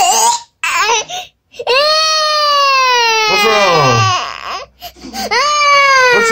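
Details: One-year-old baby boy crying: loud, long wailing cries with gasping breaths between them, and brief adult voices nearby; ordinary crying.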